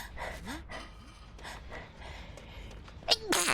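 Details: Soft game sounds and faint high chirps, then two abrupt, forceful bursts of air near the end, the second cut off: sneezes.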